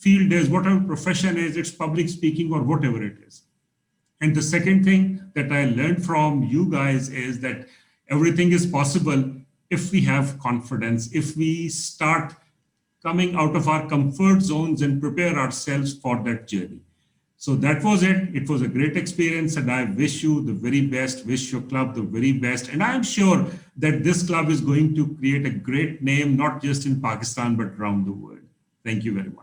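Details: Adult male speaker; normal fluent speech.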